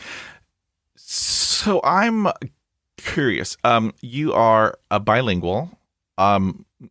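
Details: Adult man who stutters, a podcast host; this stretch has repetitions; stuttering.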